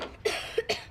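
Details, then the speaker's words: Simulated TV drama: three short, sharp coughs from an acted child with asthma whose cough and wheeze have worsened over recent days and wake him at night. He is not on inhalers. Faint room background. Finding: cough. "So why have you been waking up? Is it the cough? Yeah. And the wheezing."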